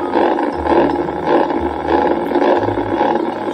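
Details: Needle EMG of lip muscle (orbicularis oris) in a woman with chronic bilateral facial palsy of 2 years, left then possibly right: motor unit bursts firing with each eye closure, showing synkinesis from aberrant facial nerve regeneration, predominantly buccal-branch damage.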